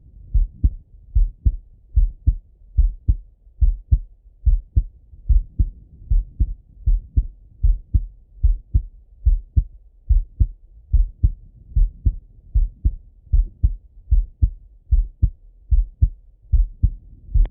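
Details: Male heart auscultation, self-recorded partly sitting at a desk and partly lying in bed: steady regular lub-dub at about 74 a minute, no extra sounds between beats; normal heart sounds.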